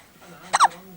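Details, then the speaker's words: Baby in the morning after breast milk, hiccupping while an adult comforts the baby: one short, sharp hiccup with a quick voiced catch against quiet room sound; hiccups. "what's wrong what's that funny noise you're making what's that hiccups you're okay though aren't you jade"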